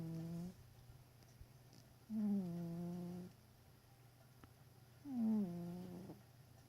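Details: Sleeping cat snoring: slow, tonal, droning sounds on each breath, about 20 a minute, with quiet pauses between.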